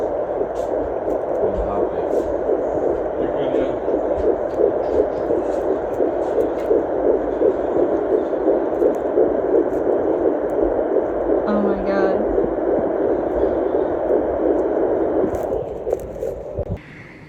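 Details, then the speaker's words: Fetal heartbeat found on a home Doppler at 8 weeks 3 days of pregnancy: a fast, steady whooshing pulse of about 170–176 beats a minute. "so that was so exciting to hear that heartbeat was like winning the lotto and um every two to three days i listened to that heartbeat and um it gives me so much relief"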